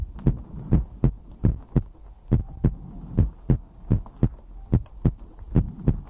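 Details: Own heartbeat recorded for ASMR heartbeat-and-breathing sleep content: regular lub-dub heart sounds at about 80 beats a minute, with a faint intermittent high beep in the background; a normal heartbeat.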